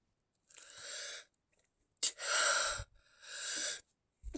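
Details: Stifled sneezes: quiet hissing bursts through a held nose and mouth, one with a sharp start, from deliberately induced sneezes being held back.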